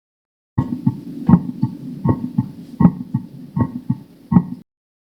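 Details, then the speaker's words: Split second heart sound, demonstrated for teaching, from non-simultaneous closure of the semilunar valves; seen in pulmonary hypertension, pulmonary artery stenosis and right ventricular hypertrophy. Regular heartbeat of about 80 per minute. "раздвоение 2 тона бывает из-за не одновременного закрытия полулунных клапанов это возникает при легочной гипертензии стану зеленой артерии и компенсаторной гипертрофии миокарда правого желудочка"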